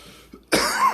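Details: A single harsh cough after a brief catch of breath, from an adult man talking about dabbing cannabis concentrates; cough.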